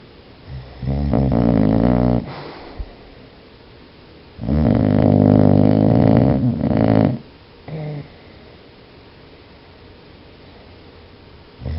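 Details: Dog snoring in sleep: loud, rattling low snores, two long ones and a brief third, with quiet between; snoring.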